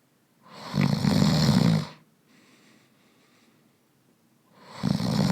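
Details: Thirteen loud, rough, low-pitched snores in a row from a sleeping adult man, snoring on breathing in with a quiet breath out between; snoring.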